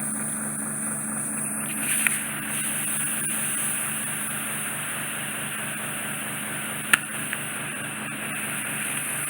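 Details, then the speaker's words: Endoscopic microsuction of impacted, occluding ear wax plastered directly on the eardrum after cotton bud use: loud continuous suction hiss and hum with sharp clicks; ear wax microsuction. "So just set it right up against the eardrum. We'll do a bit noisy. As still as possible, avoid any sudden head movement. Just one piece of wax out, a little bit more in there."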